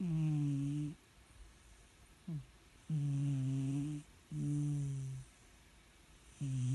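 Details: Red cat in deep sleep snoring: low, droning snores with a humming tone about every two seconds; gentle, harmless snoring.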